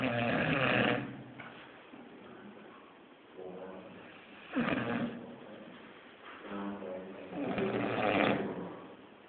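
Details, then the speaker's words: Loud, rough, grunting snores repeating every few seconds, described as a man snoring like a pig; captioned as a pig snoring. "Itulah penampakan babi lagi ngorok."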